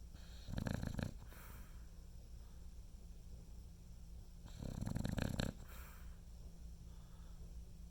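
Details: Snoring: two snores about four seconds apart, each a rough, fluttering rumble followed by a soft outward puff, over a steady background hum.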